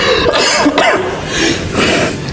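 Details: Several harsh coughs with throat clearing and room background noise, from a compilation of a podcast host coughing.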